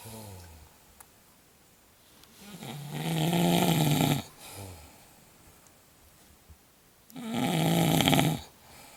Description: woman snoring and talking in sleep